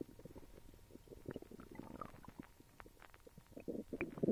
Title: Stomach noises